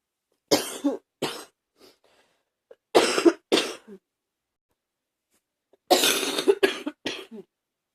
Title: # 58 coughing hard #2